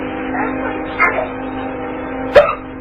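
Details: Hiccups: two short, abrupt catching sounds about 1.4 seconds apart over background music.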